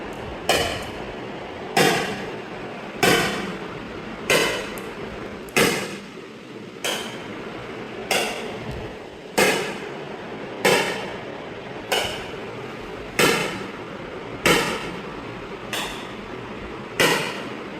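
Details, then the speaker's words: ESWL lithotripsy of a residual right kidney stone (stented, post-surgery), with energy raised from 15 for louder, more intense shocks: loud, sharp cracking shocks at a steady pace of about 47 a minute. "इसको energy ज्यादा बढ़ा दी है। अब इसके shocks की आवाज भी ज्यादा आएगी और इसकी इंटेंसिटी भी ज्यादा होगी जिससे स्टोन को चोट भी ज्यादा लगेगी और पेशेंट को थोड़ी सी वाइब्रेशन भी ज्यादा महसूस होगी।"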